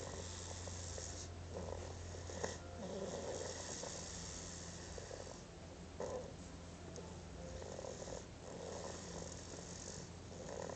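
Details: Soft, rhythmic snoring from a sleeping cat, each breath a quiet raspy rumble, over a steady low background hum.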